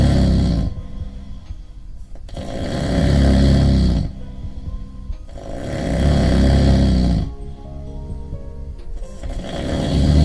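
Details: Loud, deep, rattling snores about 19 times a minute, each followed by a quiet pause, with faint background music: heavy snoring.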